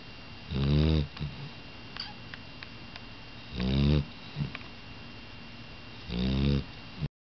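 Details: Loud, deep, rattling snores from Reagan, not yet full grown, come in steady cycles about 25 a minute with soft sniffs between; snoring.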